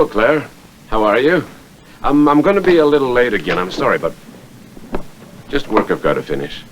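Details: Adult man speaking; normal speech.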